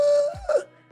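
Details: Brief high-pitched crowing squeak on inspiration: inspiratory stridor from laryngospasm, a partial vocal cord closure, as a post-anesthesia (PACU) complication.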